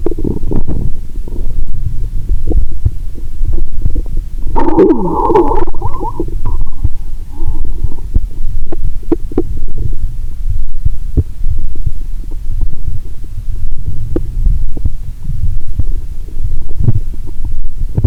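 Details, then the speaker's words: Stethoscope on own abdomen while lying down after a Mentos and cola challenge: continuous low rumbling and gurgling, with a brief louder gurgle; active bowel sounds. "लगभग हर 2.30 सेकंड में एक बार, आपको एक तेज़ कराह👂 सुनाई देगी। मेरा पेट मुझसे कह रहा है, "मुझे अच्छा खाना दो, तरल पदार्थ नहीं!"🤔😂।"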